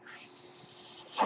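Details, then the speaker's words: Speaker's own home mechanical ventilator running in the background while talking: a steady soft airflow hiss ending in a louder rush of air. "Hello everyone. That noise you're hearing is my ventilator. And welcome to Page Turners They Were Not, my Star Wars podcast."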